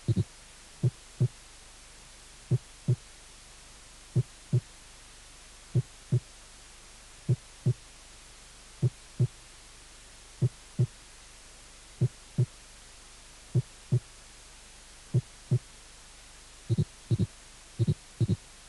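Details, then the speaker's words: Normal heart sounds from a cardiac auscultation teaching course: slow, regular paired first and second sounds, about 40 a minute, with no extra sounds. "y ruidos cardíacos normales 1"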